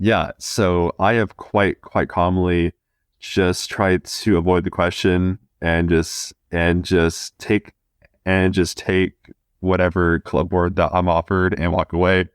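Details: 20-year-old man who stutters, a student of communication sciences and disorders; audible repetitions; stuttering.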